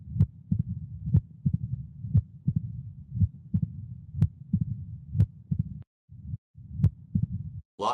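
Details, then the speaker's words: Mitral stenosis in a real patient: loud S1 at about 60 beats per minute, quiet systole, then S2, an early opening snap and a low rumbling diastolic murmur that grows louder just before S1. "the loudest sound here is s1 as you'd expect systole is totally quiet then you have s2 and then an opening snap and then a rumbling diastolic murmur that gets louder right before s1"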